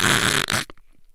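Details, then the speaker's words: Imitated snore of obstructive sleep apnoea: a single loud, rattling snort under a second, demonstrating the distinctive snoring noise that may indicate sleep apnoea. "So the noise you make when you are asleep is a good indicator that you might have sleep apnea. And sleep apnea snoring noise it can sound quite unique. It sounds a bit like."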